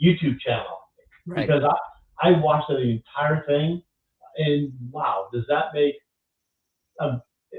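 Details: Adult male stroke survivor who lost his language after the stroke; now has mostly expressive (Broca's) aphasia. Expressive aphasia.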